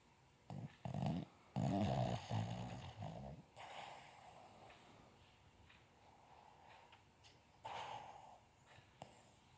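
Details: A Boston Terrier relaxing and snoring: steady snoring sounds from a resting dog.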